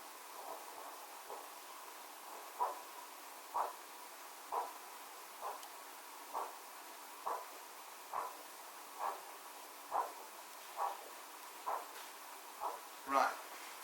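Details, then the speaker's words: Regular whooshing pulses, about 65 a minute, over steady hiss: hand-held Doppler with ultrasound gel at the anterior tibial vessel during a podiatry foot circulation check in diabetes; biphasic arterial signal. "That's a biphasic sound, which means there's two sounds that we hear there. This one is a biphasic as well."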